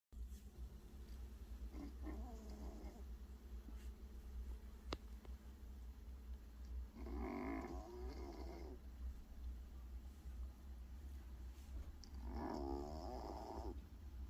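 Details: Soft rhythmic snoring from a sleeping cat, about three drawn-out breaths with low rumbling between them.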